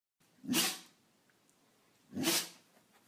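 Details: Two sharp, hissing sneezes about two seconds apart in a quiet room, recorded December 2015.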